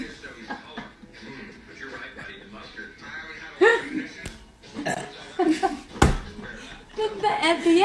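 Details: A few loud voiced burps amid talking, laughter and background music.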